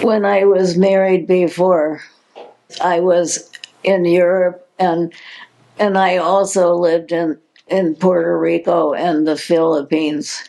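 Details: Adult with progressive supranuclear palsy, a progressive neurological movement disorder with no cure; speech in progressive supranuclear palsy.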